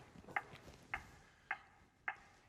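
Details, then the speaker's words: ZOLL AED 3 demonstration: steady short metronome beeps, about 105 a minute, prompting the rescuer to push to match the tone while the device monitors chest compression depth during CPR. "PR push to match the tone the AED 3 is monitoring and reminding me to start CPR"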